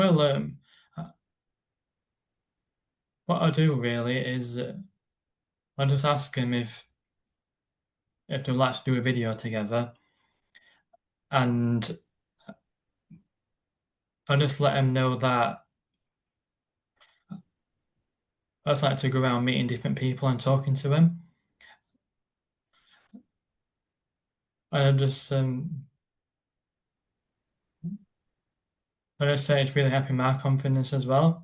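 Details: Stuttering with silent blocks in an adult man who describes his stammer as a neurological condition that blocks words from getting out, on any word rather than particular ones.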